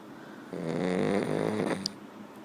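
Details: French bulldog snoring: a single rattling, buzzy snore on an in-breath, followed by a brief sniff; snoring.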